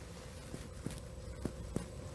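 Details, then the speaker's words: Dull percussion note demonstrated by finger percussion over muscle: four brief, soft, flat thuds, a very short, flat, low-pitched sound. "dullness is a very short flat low pitched sound that you would hear simply if you percuss over some muscle so we can do that"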